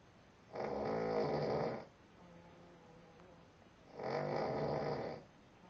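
Two long, loud, rattling snores about three and a half seconds apart, with quiet breathing in between: ordinary snoring.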